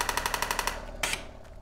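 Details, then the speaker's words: ASTAR Impactis M+ pneumatic ballistic radial shockwave unit in a demonstration, preset program, treatment started by the applicator trigger: rapid, evenly spaced sharp clacking pulses, about twelve per second, then a brief hiss, as the shock count counts down. "and by pressing the trigger on the applicator gun that will start the treatment and you can see how the number of shocks are counting down on the screen"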